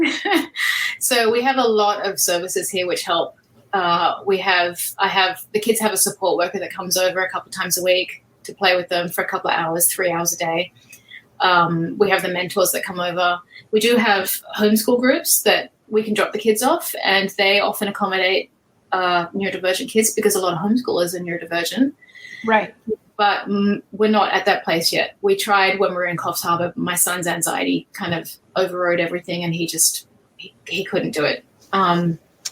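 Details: Adult woman speaking; ordinary speech.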